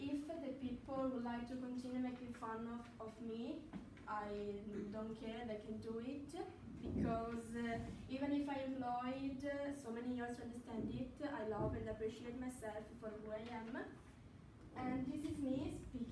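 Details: Adult woman speaking English with an Italian accent; stuttering.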